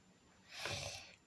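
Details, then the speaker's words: A cat snoring beside the speaker in a quiet room: one soft, noisy breath with a faint low rumble. "je sais pas si vous entendez mais il y a mon chat qui ronfle à côté"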